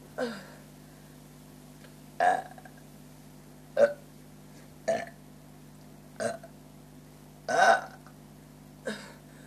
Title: Burping for a minute at my monkey park